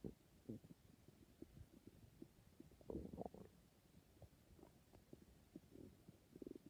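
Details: An adult's stomach growling: low gurgling rumbles and squeaks, ordinary bowel sounds (borborygmi) of gas and fluid moving.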